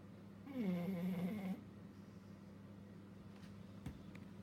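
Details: Labrador dog (female) in deep sleep, snoring and twitching all over: one loud, throaty snore about a second long, then a steady quiet background hum; dog snoring.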